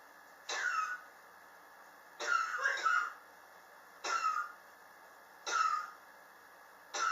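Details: Chronic cough since summer 2016, still present in 2019, not relieved by medicine or home remedies; patient blames building temperature swings in a high-rise. Five harsh coughs at irregular intervals, some double bursts, over steady room hum.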